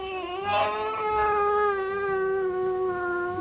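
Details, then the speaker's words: Sick baby girl crying at 4:30 a.m. in a dark, quiet room: sustained, high-pitched wailing. She has nasal congestion, can't breathe through her nose and keeps waking, unable to sleep. "Sick. She can't breathe out of her nose. She keeps waking up. She can't really sleep."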